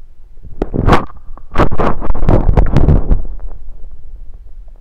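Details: Self-recorded with a USB stethoscope on the belly: deep, irregular rumbling and gurgling bursts over a few seconds, an ordinary stomach rumble; bowel sounds (borborygmi).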